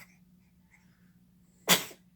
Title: Sneezes!